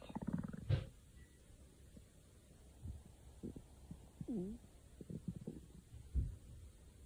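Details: Stomach growling (borborygmi): quiet gurgles, squeaks and a rising whine from the belly.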